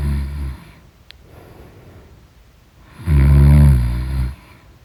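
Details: Loud, deep, vibrating snores on inhalation with quiet pauses between, from a person in deep sleep; snoring.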